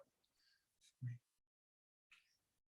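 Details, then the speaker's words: Vocal imitation of the crescendo-decrescendo systolic murmur of hypertrophic cardiomyopathy, heard at the apex between S1 and S2 (with an S4): a whoosh that swells and fades, then a thump and soft hiss. "that s4 sound it's not specific for hypertrophic cardiomyopathy but you hear a systolic murmur between s1 and s2 and this systolic murmur is a crescendo decrescendo"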